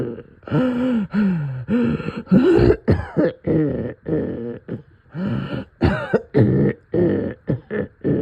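Repeated harsh, gurgly coughs and throat clearing with groaning, in a quiet room; a wet, chesty cough from congestion.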